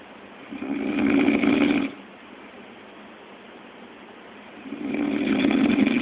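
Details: Boxing Day recording: loud, low, rumbling snores on the in-breath with a quiet pause between, about two snores in six seconds; sleep snoring.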